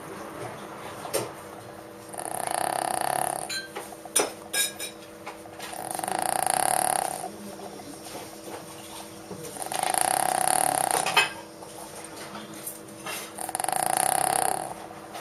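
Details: Dog napping, with regular soft, rasping breaths about every four seconds over room hum, about 15 breaths a minute: snoring.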